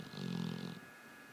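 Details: Sleeping pit bull dog snoring: a single low, rumbling, growl-like snore under a second long, then quiet.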